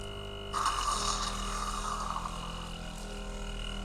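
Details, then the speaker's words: Home-care patient after a nebulizer breathing treatment, lying in a position where she cannot cough up mucus on her own: a bad episode of wet, bubbling airway secretion gurgling over a steady machine hum, before suction. "so now just before we stop recording she started to have a really bad episodes with the mucus and in almost I mean it sounds like a gurgling ro bubbling"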